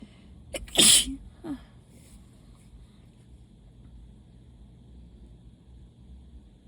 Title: Wet, desperate allergy sneezes